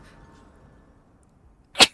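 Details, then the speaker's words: Adult streamer's sneeze, announced just beforehand while gaming. "I'm going to sneeze."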